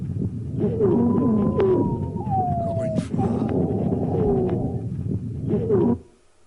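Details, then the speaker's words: Monophonic expiratory wheeze, a single musical whistling tone over breathing noise on expiration, a recorded example in a pediatric respiratory physiotherapy talk on bronchiolitis auscultation. "ce que vous avez entendu je sens des sibylles ans monophonique expiratoire"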